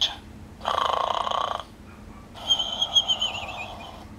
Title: Snoring Dog!